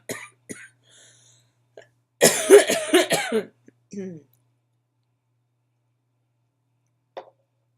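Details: Adult with chronic illnesses and asthma complications, now with bronchitis and on prednisone, has a coughing fit.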